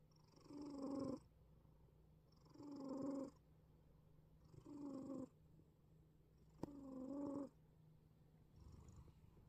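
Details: Sleeping black cat wheezing and snoring: noisy, whistling snore-like breaths at about 29 per minute, consistent with wheezy upper-airway breathing.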